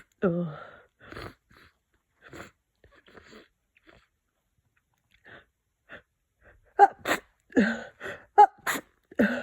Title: Cold progression 5 - sniffing, congested sneezes